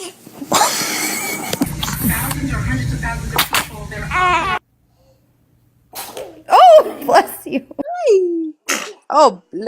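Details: Children sneezing: a burst of sneezes among children's voices and lively talk in a small room.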